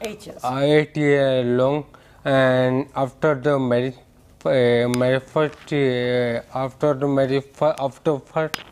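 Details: Adult man with ataxia that gradually impaired his speech, balance, posture and gait over years; ataxic speech described as scanning; ataxic dysarthria.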